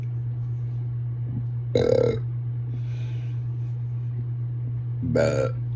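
Two loud, voiced burps over a steady low hum, each sudden and throaty; repeated belching.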